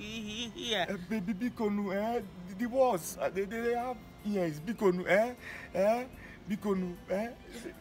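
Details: Acted stuttering by a male character in a comedy skit, with word repetitions.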